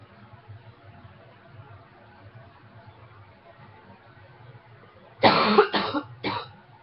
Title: Coughing #3